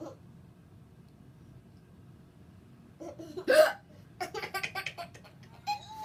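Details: Logan laughing so hard he hiccups: one sharp, sudden hiccup, then bursts of laughter in a quiet room.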